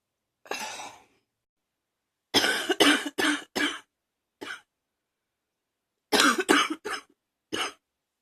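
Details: Person still coughing from allergies: about nine harsh, dry coughs, mostly in quick bursts of three or four with quiet gaps between.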